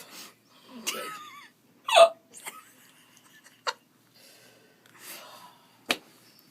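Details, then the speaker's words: Several sharp, brief gulping hiccups at irregular intervals from a person, with soft voice sounds between them; hiccups. "all right here's how you're gonna get rid of hiccups um hold your nose get a deep breath yeah hold your nose ready swallow 10 times"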